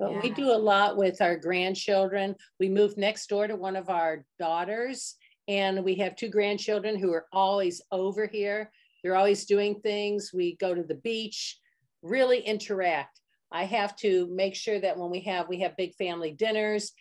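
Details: Adult woman speaking; ordinary speech.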